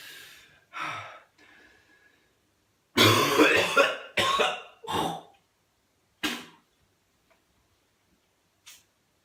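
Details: Coughing fit in someone with whooping cough (pertussis) and breathing difficulty.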